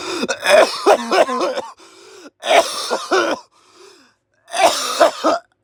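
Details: Person who is still coughing: coughing sounds.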